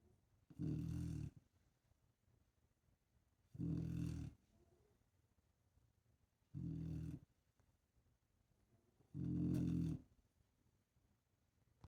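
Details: Four deep, rumbling snores about every three seconds (roughly 20 a minute) with quiet pauses between, from a sleeping female dog; steady snoring.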